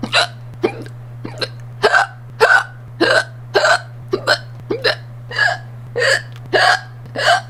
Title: Hiccup Compilation Part 1